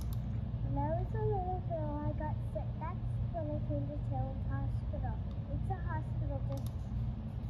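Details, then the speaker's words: Simulated aided hearing with hearing loss, Verifit simulation; unaided speech intelligibility index 13 right, 19 left: a child's speech audible but the words hard to pick out, requiring effort. "okay and I don't know about you but I could hear that the child was speaking but I had to really pay attention to try to pick out what the words were"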